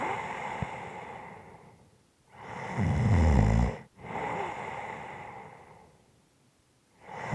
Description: Snoring and by the end heavy breathing.